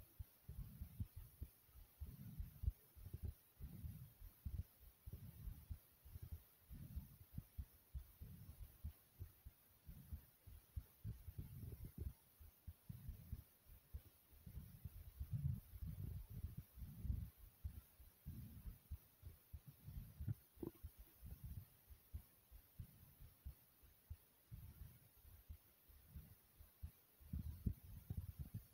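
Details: Forceful heartbeat after jumping jacks: strong, fast, low thumps of the heart thumping in the chest, with breathing sounds mixed in.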